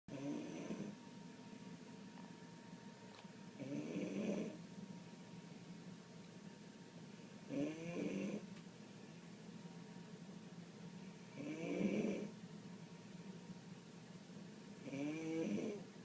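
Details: Friend snoring: loud, rough snores on each breath in, about 16 a minute, with quiet breathing out between them; heavy ordinary snoring.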